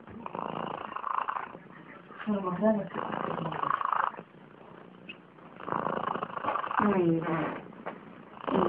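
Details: Sleeping cat snoring: rhythmic, rumbling breaths with a purring, whistly quality in slow cycles; ordinary snoring.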